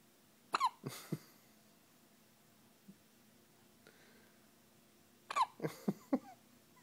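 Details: Sleeping pet cat with hiccups: two clusters of short, sharp hiccup-like jerks with small squeaky catches, separated by quiet.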